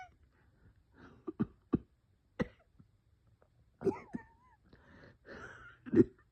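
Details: Cough with wheeze.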